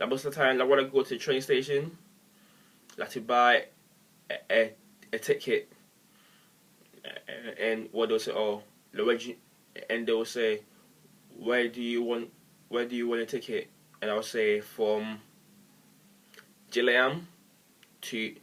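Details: Adult male who stammers and reports that words beginning with 'e' are especially hard; stuttering.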